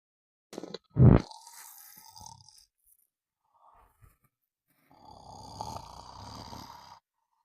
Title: Sound of snoring for a good night sleep